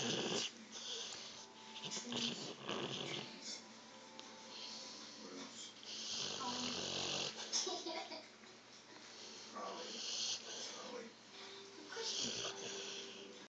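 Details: Dog snoring: harsh, rattling breaths partly masked by hissy background noise and other room sounds.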